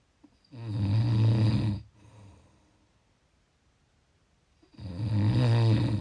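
Two loud, low rattling snores on inhaling, with a quiet breath out between them. Typical snoring.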